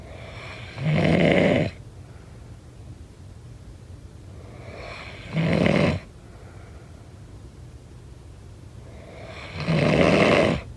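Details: Three loud vibrating inspiratory snores, about 14 per minute, separated by quiet exhalations; snoring.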